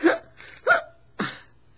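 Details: Woman with Tourette syndrome and OCD makes a hiccup-like vocal tic. She recently restarted medication (haloperidol 0.5 mg) after years without it because her tics got out of hand, and she reports a seizure after starting.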